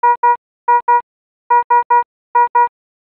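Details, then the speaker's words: Philips Efficia DFM100 defibrillator/monitor high-priority alarm for a life-threatening condition such as asystole or ventricular fibrillation: repeating short tones in groups of two and three. "a high priority alarm warns of a life-threatening condition such as asystole or ventricular fibrillation and requires an immediate response the alarm message displays with a red background and sounds like this or this"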